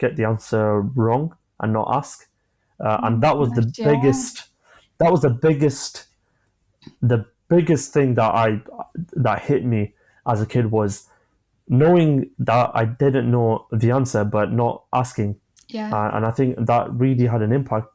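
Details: Adult man, 25, with a stammer since early childhood (after an asthma attack), who manages blocks with breathing techniques and pausing; stammering.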